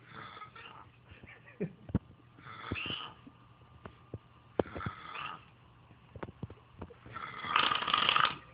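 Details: Man snoring very loudly: loud, harsh, rattling snores with each breath, the last longest and loudest, clicks and room noise between; heavy snoring.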